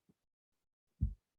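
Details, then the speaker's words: Voice sound over the chest on auscultation while the patient says the number "33": a low thump, then a clear, loud voice carried through the chest wall with the word shape still audible; pectoriloquy, increased vocal resonance. "Entonces, como pudieron escuchar aquí en la pectoriliquia, cuando se puede observar y escuchar lo que es en la palabra 33."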